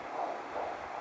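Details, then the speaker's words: Fetal heartbeat on a home Doppler, within weeks of the due date, in an anxious mother's late pregnancy: rhythmic whooshing pulses. "It's a home Doppler machine which basically will measure the rate of the baby's heartbeat and you actually get to hear it."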